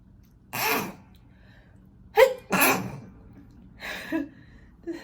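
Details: Run of sharp, noisy sneezes with catches of breath between, set off by a self-administered Covid-19 nasal swab test.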